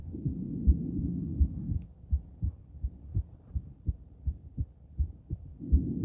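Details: Female heart auscultated with various stethoscopes in sequence: Erb's point, mitral, tricuspid, aortic, then pulmonic. Regular lub-dub at about 80 per minute with some stethoscope rubbing; normal heart sounds.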